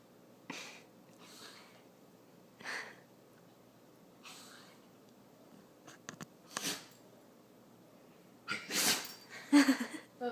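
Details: Sneezing: several brief hissing bursts in a quiet room, the last ones louder and sharper, fitting a run of sneezes, apparently after holding it in a while.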